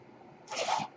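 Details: Single brief airy hiss as the speaker's own mechanical ventilator delivers a breath at the end of a spoken podcast.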